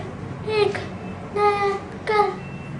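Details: Deaf child, in a cochlear implant outcomes context; speech described as monotone with reduced intonation; deaf speech.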